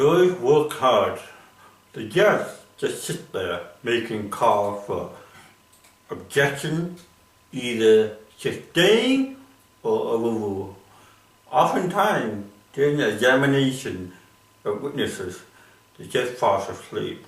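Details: Comedian with cerebral palsy performing stand-up; dysarthric speech (cerebral palsy).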